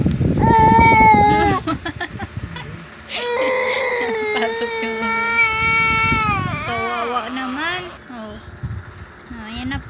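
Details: Infant crying after reaching for mother's cold water mug: loud, tonal wailing with sobbing breaks and whimpers, adult voices faintly behind.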